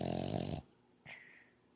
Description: Our Boston terrier asleep and snoring loudly